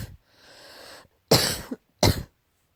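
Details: Cat coughing, tagged as allergy-related: a breathy hacking sound, then two sharp dry coughs.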